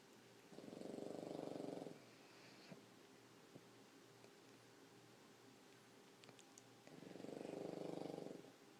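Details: Pug sleeping on a person: two long, buzzing, fluttering snores about six seconds apart with quiet breathing between; snoring.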